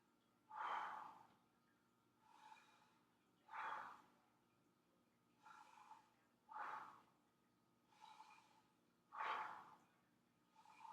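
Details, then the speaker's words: Adult patient taking slow deep mouth breaths for a full respiration at each lung area during posterior chest auscultation in a physical assessment; louder inhalations alternating with softer exhalations, about four cycles. "i'm also going to auscultate for one full respiration in each area of the lung all right and then can you take a deep breath in and after me one more time right there sorry"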